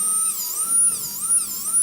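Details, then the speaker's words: High-speed dental drill whine dipping and rising as the bur, held at 45 degrees, reduces the smooth slope of the centric cusp on tooth 37 to groove depth during a cast-metal overlay preparation. "O quinto passo é a redução da vertente lisa da cúspide cêntrica e da não cêntrica. Broca em 45 graus, nós vamos promover a redução desta vertente"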